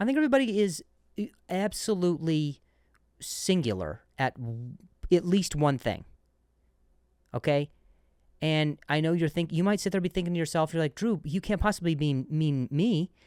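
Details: Adult male comedian who stutters; finding: stuttering.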